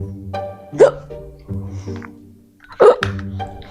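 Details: Person with hiccups in a couple comedy short, offered water: two sharp, abrupt voiced catches about two seconds apart over background music.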